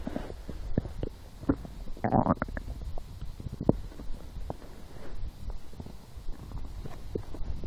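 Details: Stomach growling in a lying person who skipped breakfast, had a small lunch and ate two doughnuts four hours later and felt hungry: irregular low gurgles and rumbles. Normal hunger borborygmi.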